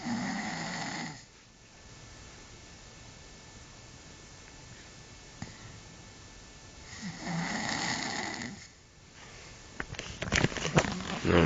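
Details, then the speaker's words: Two loud, rough snores about six seconds apart with quiet breathing between, then rustling; ordinary adult snoring keeping the recorder awake, phone recording. "roncas bien eso que te aburrías y te rías del video del Frank estás en las mismas no me dejas dormir"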